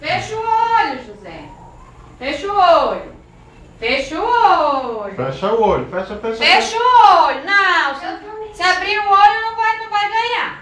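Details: Adult family member speaking to a child; typical adult speech.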